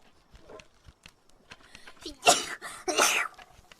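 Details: Short intake of breath, then two quick airy sneeze bursts over faint room sounds from a VTuber reacting to fan art during a livestream.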